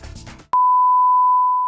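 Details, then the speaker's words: Simulated tinnitus: a steady, high, pure beep tone after brief musical noise, illustrating the constant ear ringing that patients hear. "zumbido incomoda né imagina dormir e acordar com ele todos os dias"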